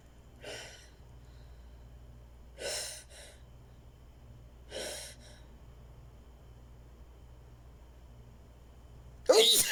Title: Just can't stop sneezing!!